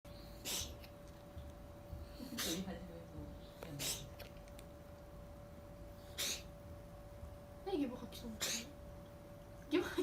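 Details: Cat that suddenly began sneezing and couldn't stop, later settling down: about six small, sharp sneezes in ten seconds in quick succession over a steady background hum; repeated sneezing.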